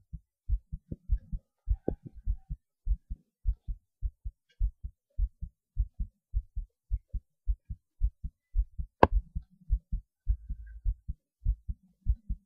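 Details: Normal heartbeat recorded upright just after standing on the head: regular low thumps at roughly 100 beats a minute, a little fast, with one sharp knock partway through.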